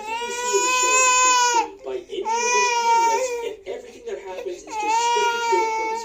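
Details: Baby girl crying: loud, sustained infant wails in three long cries separated by brief breaths, in a small room; infant crying.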